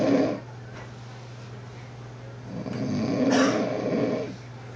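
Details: Two rough, rattling snores with a quiet pause between, over a steady low room hum, while resting in a room on day 1 after arriving; snoring.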